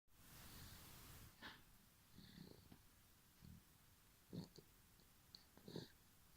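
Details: Light snoring: soft, low rumbling breaths with faint snorting bursts in a quiet room.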